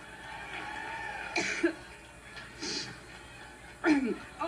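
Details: An adult woman has a coughing fit while giving a speech, with several dry coughs and throat clearing in a large echoing room; cough.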